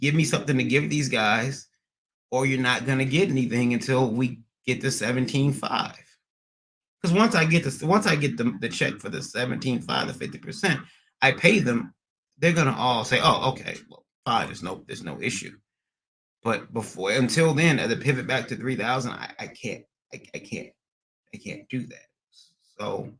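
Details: Man with acquired stuttering after a transient ischaemic attack around February 1, MRI showing some damage; speech not fully recovered, stutters occasionally; receiving physical, occupational and speech therapy and seeing a neurologist.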